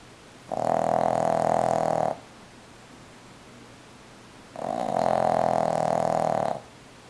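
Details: Loud, buzzing, vibrating snores about two seconds long, roughly every four seconds.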